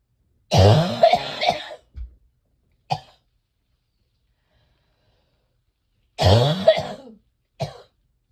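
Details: Person with severe chest congestion, chest feeling like cement, coughing repeatedly: two harsh, deep coughing bouts a few seconds apart, each a long rattling cough with short follow-up coughs; chest congestion cough.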